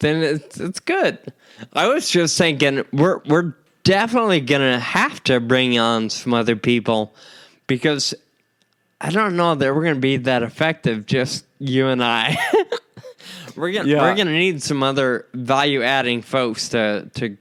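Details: Adult man with Friedreich's ataxia; the condition impairs speech-muscle coordination, causing slurred speech that can sound drunk; ataxic dysarthria.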